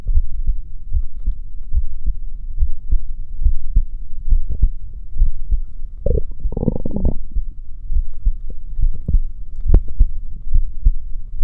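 Soft low thumps at about 70 a minute under steady rumble, with a brief scraping noise: an ordinary heartbeat.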